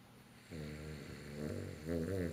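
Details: Sleeping dog wearing a protective cone collar: a single drawn-out, vibrating snore; snoring.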